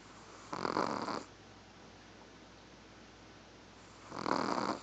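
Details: Recorded on an Android phone: two soft, raspy snores a few seconds apart over a steady low hum of room noise; snoring.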